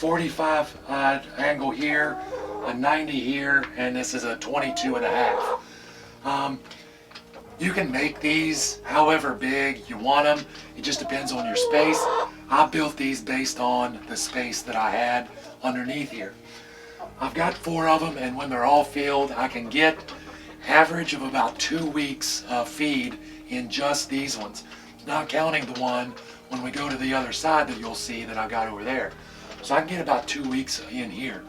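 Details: Man with vocal cord paralysis caused by surgery that damaged throat nerves, paralyzing the muscles acting on his vocal cords; talking is hard; he hopes it is temporary; finding: vocal cord paralysis.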